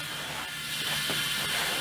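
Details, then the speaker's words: Demonstration without a patient of a pop-tube and paper-cone extension on dental high-volume suction, aimed toward the patient's face to reduce aerosols: steady loud rushing hiss of air being drawn. "it's moving a lot of air you can hear it and you can feel it if you were here you can feel it moving in the general direction of your patients face"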